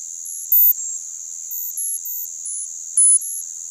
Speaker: 여러분의 귀에서 방금 전 소리들을 겸한 적이 있다면 여러분은 이명을 가지고 사는 수백만 명의 사람들 중 한 명일 것입니다